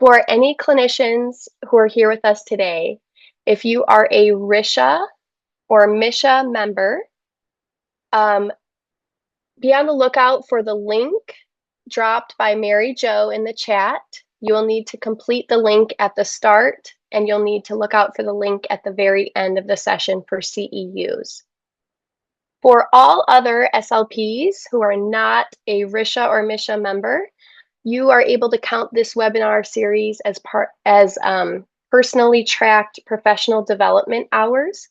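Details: Adult woman speaking; typical speech.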